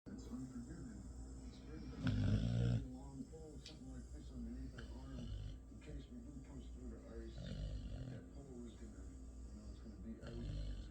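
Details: Dog asleep while lying against both owners snores with low, rumbling, fluttering sounds as it breathes, against quiet room noise; snoring.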